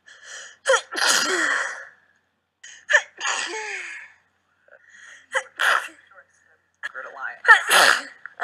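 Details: Sneeze compilation: four sneezes, each a quick gasping breath in followed by a loud explosive burst; repeated sneezing.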